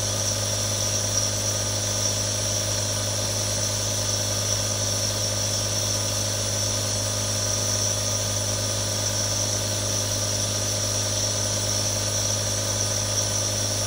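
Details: Real recording of three different nebulizers running: a steady mechanical hum with a constant airy hiss of aerosol delivery.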